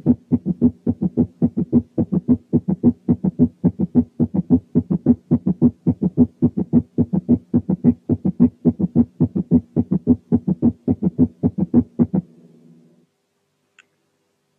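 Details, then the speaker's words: S3 gallop rhythm with tachycardia: fast, regular triple heart sounds at about 107 a minute, first, second and lower-pitched, muffled third sound almost evenly spaced, like a galloping horse. "لما يكون في تاكيكارديا يبقى الفيرست والسكند والثيرد هارت ساوندز على مسافات شبه متساويه من بعضهم، وتتابعهم ورا بعض بيدي احساس بصوت زي صوت جري الحصان اللي هو الجلب بالشكل الاتي."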